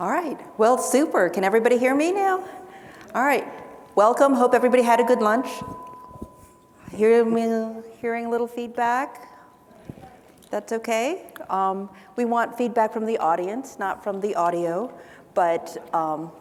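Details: Adult woman speaking into a microphone; typical speech.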